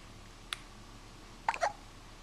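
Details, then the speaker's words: About one-month-old (four-week-old) infant boy with hiccups: two brief, sharp little gulping sounds against quiet room noise. "here we are with Ty he's about a month old he's got the hiccups"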